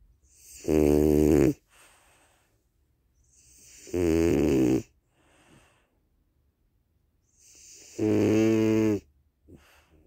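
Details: Snoring: a sleeping French Bulldog with loud, buzzing snores on each in-breath, three in ten seconds, and softer snuffling out-breaths between.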